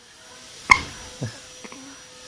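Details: A days-old newborn with hiccups: one sharp, abrupt hiccup-like catch, then faint softer sounds in a quiet room.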